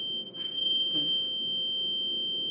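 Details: Weber test with a 512 Hz tuning fork placed at the middle of the head during a head and neck exam demonstration: a steady, pure ringing tone, finally heard even in both ears, a normal result.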